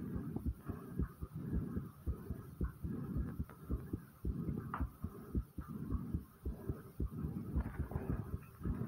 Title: My Fast Heartbeat Sound